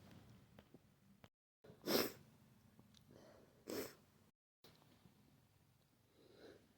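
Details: Person with flu; two forceful, explosive sneezes about two seconds apart in a quiet room; repeated sneezing.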